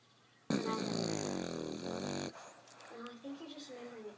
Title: French Bulldog Snores With Eyes Open